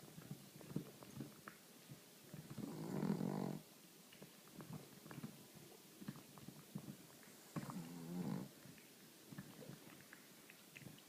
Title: Pug snore